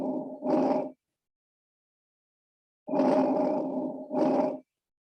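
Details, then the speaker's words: Lung-sound recording of soft rustling breath sounds, inspiration longer than expiration: normal vesicular breath sounds of healthy lungs. "So these are vesicular breath sounds. These would normally be your healthy lung sounds. Like a soft sound of inspiration."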